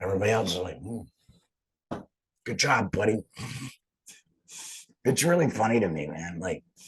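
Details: Adult laryngectomee speaking; alaryngeal speech after total laryngectomy.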